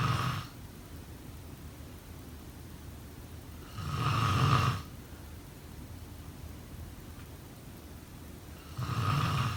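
Deep, rattling snores on the in-breath, about three in ten seconds, with quieter breathing between; roughly 13 breaths a minute. Ordinary snoring.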